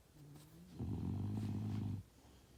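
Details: Sleeping dog snoring: a single deep, buzzing snore of over a second after a softer breath.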